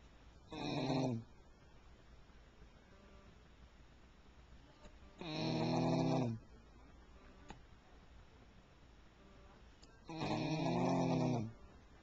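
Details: Three loud, droning snores on breathing in, about five seconds apart, roughly 12 breaths a minute, from a dog, recorded with a Flip Video camcorder: ordinary snoring.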